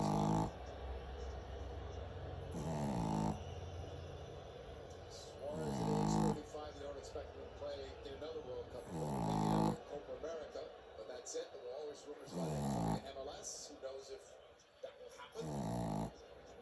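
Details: Boston Terrier dog snoring: rhythmic snore about every three seconds, faint TV commentary in background.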